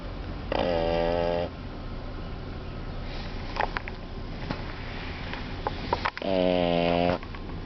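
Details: Two long, loud, buzzing snores about five seconds apart, with quiet breathing and faint sniffs between, from a pug sleeping after his first day out with a dog walker; snoring.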